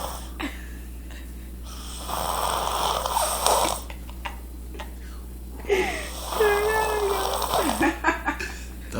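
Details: A man asleep snoring: noisy, rumbling breathing over a low steady background hum; snoring during sleep, not woken by people talking nearby.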